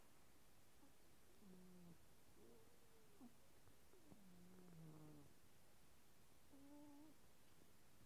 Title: My cat snoring - max the volume